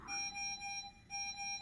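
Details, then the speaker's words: Repeating high electronic alarm tones with brief gaps from a bedside pulse oximeter, in hospital at 11 p.m. on the day of PLIF L4-L5 spinal fusion surgery, after the patient got out of bed. "and various alarms and stuff going off seems to be the pulse and oxygen meter going off I think it's reset"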